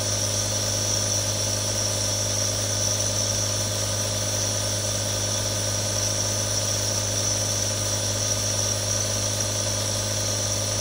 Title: ASMR Nebulizer Sound [RELAX NOW WITH THREE NEBULIZERS] 1 HOUR NO ADS | Aerosol Sound